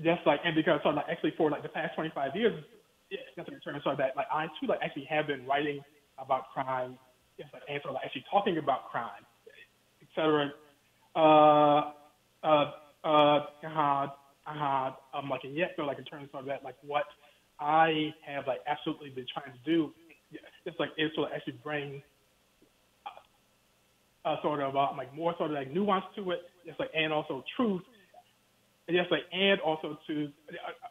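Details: Stuttering in an adult male professor speaking in a phone interview, who has told the host that he stutters.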